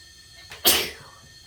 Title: felt like sneezing